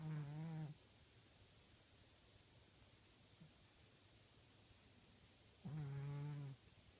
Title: Monkey snores